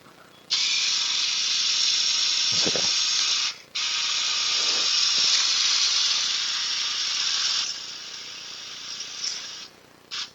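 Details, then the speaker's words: Right knee ACL reconstruction with harvested hamstring tendon graft: an 8 mm surgical drill reams the tibial tunnel over a guide wire while the PCL is protected with a spoon. Two long bursts of loud, high hissing whine with a short pause. "now we're going to drill over our guide wire with a size 8 millimeter drill which matches the size of our"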